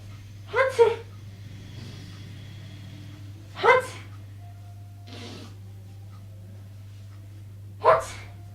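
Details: In a clip demonstrating types of sneezes, possibly acted, there are three sharp, explosive sneeze bursts a few seconds apart over a steady background hum.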